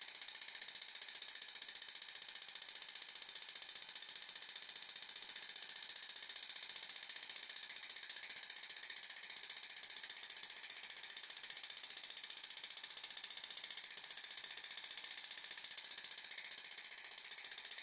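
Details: Zimmer enPuls radial shockwave, 15 mm convex head, 120 mJ, 15 Hz, 1500 shocks with ultrasound gel, single spot on lateral epicondyle for tennis elbow, demonstration patient: fast steady mechanical clicking of repeated pulses.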